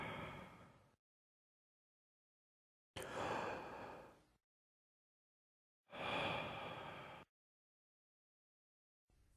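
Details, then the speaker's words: Teaching chest examination, patient taking deep breaths with mouth open: harsh, hollow, high-pitched blowing breath sounds with loud inspiration and expiration separated by clear pauses. This is bronchial breathing, as heard over consolidation, the top of an effusion or dense fibrosis. "Bronchial breath sounds are found when normal lung tissue is replaced by uniformly conducting tissue and the underlying major bronus is patent. This happens with pulmonary consolidation from pneumonia at the top of a plural eusion and over areas of dense fibrosis."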